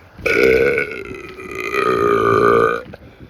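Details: Deliberate adult burping while walking outdoors on a trail: one long, loud, voiced belch of about two and a half seconds.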